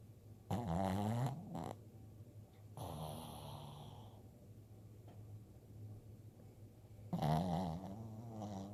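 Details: Sleeping dog, nose twitching: loud, rattling snores in bursts with quieter breathing between.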